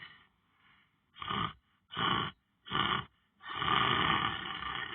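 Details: A person lying down on the floor snoring while sleeping: loud, rough snores in repeated bursts roughly a second apart, then a longer sustained snore.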